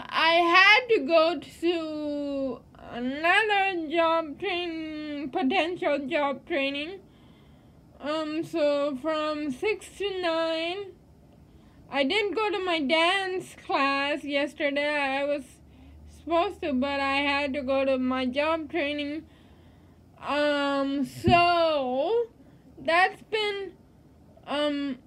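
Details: Woman living with cerebral palsy, speaking; dysarthria in cerebral palsy.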